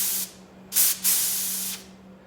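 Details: Short bursts of steady hissing air from a jet ventilation air line, with a faint hum underneath, checked during periop setup for an interventional pulmonary case; normal flow confirming the line delivers air.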